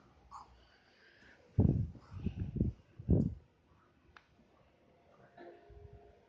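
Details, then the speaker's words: A tired father snoring: low, rough rattling snorts in a short irregular cluster against a quiet room. "Bapak capek. Bapak ngorok."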